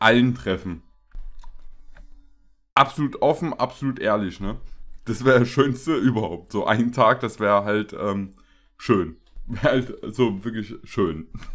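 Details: Adult male speaker; normal speech.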